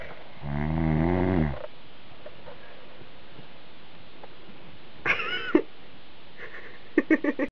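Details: Adult man who denies snoring, filmed asleep: a single low, rattling, voiced snore on the in-breath, likened to a dragon, over steady room hum, then faint stray sounds.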